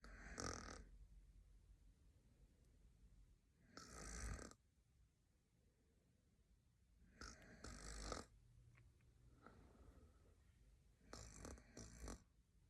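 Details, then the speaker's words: Dramatized film scene of a tired man snoring at night while companions complain: rough, rattling snores about 16 a minute, each roughly a second long, with quiet room noise between. "Okay. Can you just like pass me a pillow so I can smother him? Leave him alone. He can't help it. He's tired. And that gives him the right to drag us down with him by doing that all night."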